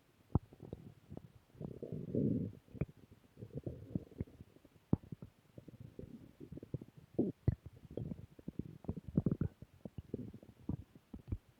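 Quiet gurgles, rumbles and frequent clicking pops from the belly: ordinary stomach growling from gas and fluid moving through the gut.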